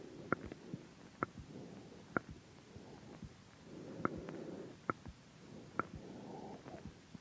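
Sharp regular clicks about once every 0.9 seconds, roughly 65 a minute, over faint rumbling; pulsatile throat clicking in time with the heartbeat.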